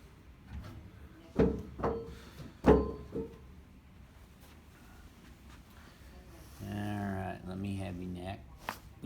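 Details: Chiropractic neck adjustment of a returning male patient: several sharp cracks in quick succession, then a brief voiced sound; joint cavitation (neck adjustment crack).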